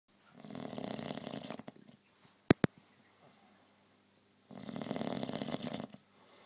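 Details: Loud snoring likened to a motorbike: two long, rumbling, buzzing snores in a quiet room, with a couple of sharp knocks between them.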